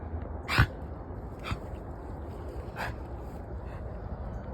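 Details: A dog named in the title gives three or four brief, sharp coughing bursts, the first loudest, over steady low room noise; recorded September 9; dog cough.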